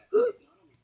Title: hiccups